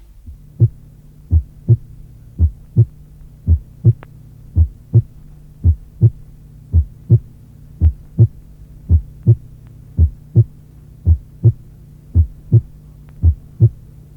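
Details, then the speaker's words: Heart sounds with a prolonged PR interval of 0.20 seconds: the first heart sound becomes muffled. "À 0,20 seconde, le premier bruit tend à s’assourdir."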